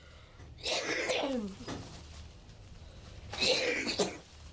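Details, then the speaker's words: 16-year-old boy with cystic fibrosis doing spirometry with a nurse: two hard, breathy maximal blowing bursts with strained voicing. Lung capacity was 29% on emergency admission and measured 32% afterwards; forced expiration during spirometry. "ok alex tu sais ce que tu dois faire tu prends une grande inspiration et tu souffles le plus fort possible"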